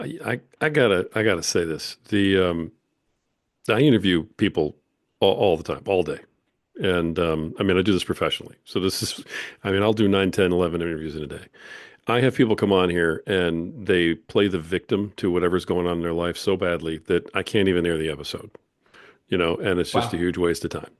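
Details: Adult male speaker; typical speech.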